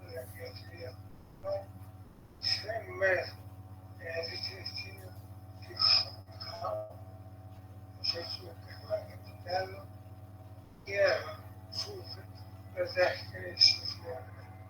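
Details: Scanning speech (ataxic dysarthria) in a patient with cerebellar syndrome.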